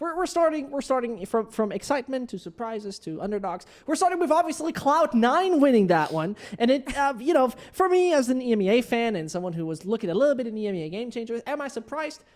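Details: Adult woman speaking; ordinary speech.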